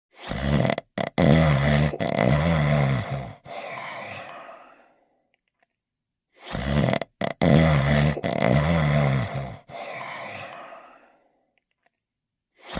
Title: The Dog Crew (TV Series) (1990-1992): Barnyard Dawg Sleeping & Snoring Part 2